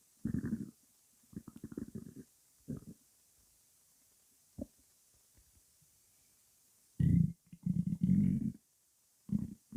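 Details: Irregular low gurgling and rumbling bursts from the belly with quiet gaps; stomach growling in a female who has not yet eaten breakfast.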